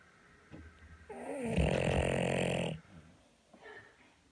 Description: Bulldog snoring while asleep